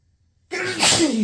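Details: Pepper-triggered sneeze: a single loud, forceful sneeze bursting out after a moment of quiet.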